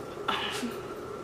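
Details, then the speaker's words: A single short, sharp sneeze from a pet, an abrupt burst followed by a brief airy hiss against quiet room noise. "you hear that that's Trixie sneezing bless you Trixie"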